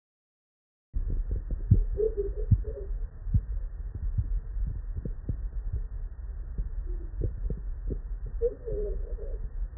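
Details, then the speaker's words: Blood pressure reading recorded through a stethoscope over the arm artery: soft, low-pitched tapping beats that start and then stop, matched to the gauge dial; Korotkoff sounds. "you're listening for these little beats are kind of low pitched you're listening for them to start and then you're listening for them to stop"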